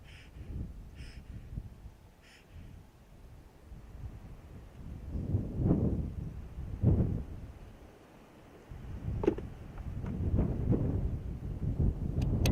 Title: Lioness with a full stomach snoozing, then sitting up and coughing